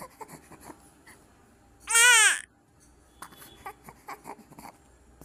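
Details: Newborn baby, about two days old, being bathed on a caregiver's legs with baby soap and hot water: one loud, high-pitched cry about half a second long among soft background sounds and splashing; newborn cry.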